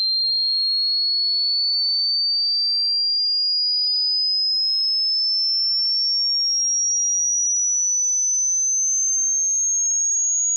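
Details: Simulated human tinnitus: a steady, pure high-pitched whine that slowly climbs in pitch, with no other sound.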